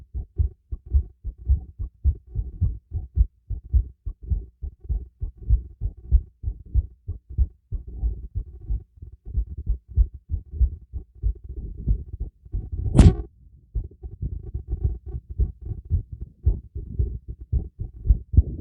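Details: Heartbeat recorded by stethoscope during light workout with breathing: fast, regular, strong heart thumps at roughly 130 beats a minute, with a brief breath noise midway; rapid heartbeat.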